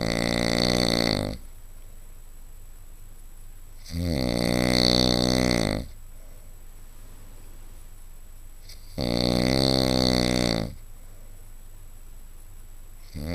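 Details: Adult man snoring: loud, harsh, rattling snores on the in-breath with quiet pauses between, about one every five seconds, roughly 12 a minute.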